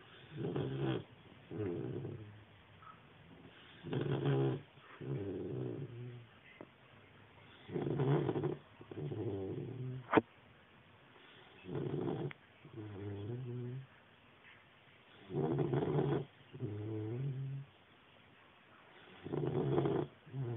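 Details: 12-week-old snoring while asleep: soft rhythmic snoring, a rough buzz on each breath at about 16 breaths a minute, with a brief click midway.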